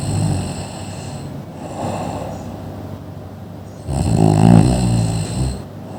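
Loud, deep, rattling snores in repeated breaths, one stronger snort-like snore near the end. Heavy snoring.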